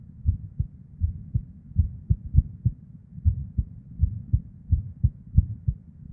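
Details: Irregular heartbeat of a female with PVCs/ectopic beats and a murmur (blood flow sound): low thumps at uneven intervals with early beats and soft whooshing in the gaps.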